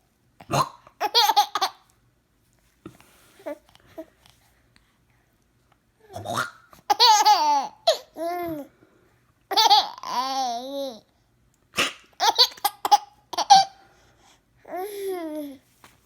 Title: with the hiccups